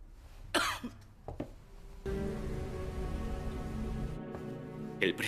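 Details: An actress in a dramatic scene coughs several short, sharp times over swelling music, then gives a final cough.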